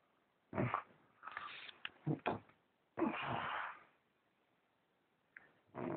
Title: snore.3GP